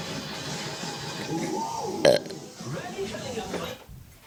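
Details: A sister with a burping problem gives a short, loud, low belch over room noise and faint background sound, then says it hurt.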